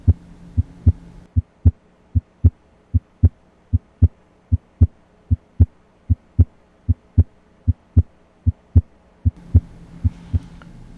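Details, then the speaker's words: Normal heart sounds auscultated with the stethoscope diaphragm at the aortic area, right second intercostal space (located from the angle of Louis): regular, crisp lub-dub at about 76 beats per minute, no murmur. "so I'm going to identify the angle of Louis and first listen in the right second intercostal space for the aortic area with the diaphragm"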